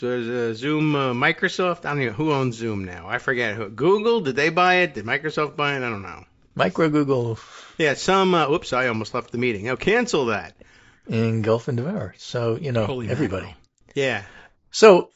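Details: Adult men in conversation; normal voice.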